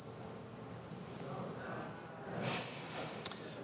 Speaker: what it is it's a subjective feeling of either buzzing or ringing in the ears and in fact we have an example that I want everybody to hear so they can get an idea of how devastating this can be if you're constantly listening to a sound like this